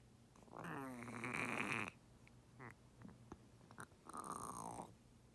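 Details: Pet turtle with pneumonia diagnosed by a second vet (first vet said lungs clear) makes loud rasping croak-like gasping breaths with faint clicks; she swam open-mouthed gasping, couldn't submerge, and improved on 3 weeks of ceftazidime injections.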